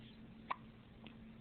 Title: Hiccups...